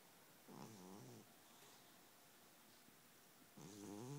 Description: My fat kitty cat snoring